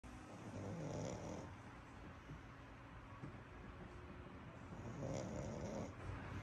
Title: 巴哥狗抱小巴哥娃娃睡覺到打鼾！Cute pug dog sleeps to snoring with doll ！巴哥狗！